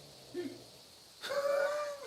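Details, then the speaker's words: Sleeping small dog snoring surprisingly loudly: a brief low snore, then a longer, louder whistling snore on the in-breath. "he's snoring so loud i hope you guys can hear it because it's funny as hell but um i don't know how loud sounds so loud can come out of such a little thing"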